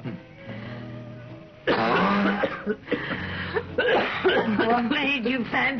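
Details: Two adults in a 1968 anti-smoking announcement break into repeated harsh, throaty coughing after soft music; acted smoker's cough.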